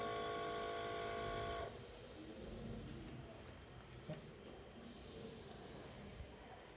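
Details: Mechanical ventilator running: a steady electronic tone, then soft hissing airflow noise.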